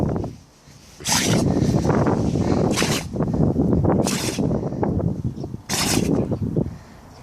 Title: Funny Tibetan mastiff sneezing / Тибетский мастиф забавно чихает